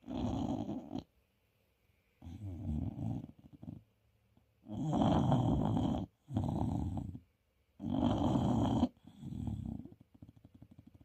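A bulldog puppy snores with loud, rattling, low-pitched sounds on each breath, in a quiet room.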